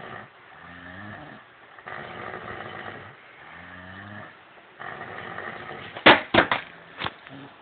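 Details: Snoring from two drunk brothers snoring in synchronization, recorded on a phone: repeated low, rattling snores, with short sharp bangs near the end.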